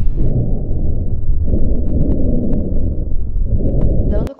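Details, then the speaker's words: Pediatric teaching example of rhonchi: deep, continuous low-pitched rumbling below 200 Hz, best heard over central airways, occurring in inspiration and expiration. "o ronco tem frequência a baixa menor que 200 Hertz e por isso um grave erro diz ele pode ocorrer tanto a inspiração como a expiração e de acordo com o vídeo aparece mais na respiração"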